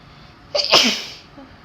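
A single sharp, explosive sneeze with a quick breath in before it.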